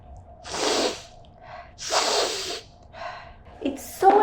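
Two forceful sneeze-like bursts with a sharp intake before each, acted as an imitation.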